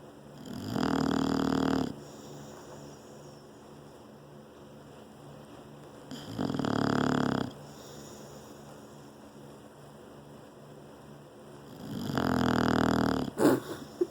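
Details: English bulldog Bullet sleeping in owner's lap: three loud, rough, buzzing breaths about six seconds apart with quieter breathing between; snoring.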